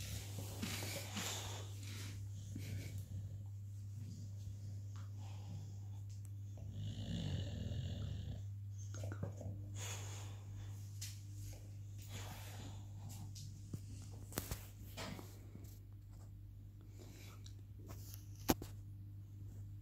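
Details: Soft, snuffly snoring from a sleeping, tired Boxer dog, partly masked by a steady low hum and scattered room noises; snoring.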